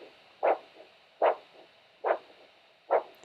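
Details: Handheld Doppler at the ankle pulses during a podiatry new-patient assessment: regular whooshing pulses about 73 a minute, each a strong surge with softer trailing sounds over static hiss. A normal triphasic arterial signal showing elastic arteries.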